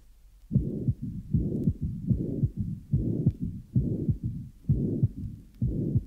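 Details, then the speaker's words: Apical recording, 12-year-old boy with large left-to-right shunts through VSD and patent ductus arteriosus: about 72 bpm, harsh pansystolic VSD murmur and low rumbling functional mid-diastolic murmur, no presystolic accentuation or opening snap. "this recording is of a functional apical mid-diastolic murmur in a 12-year-old boy with large left to right shunts through a ventricular sepal defect and patent ductus arteriosis there is no presystolic accentuation or opening snap"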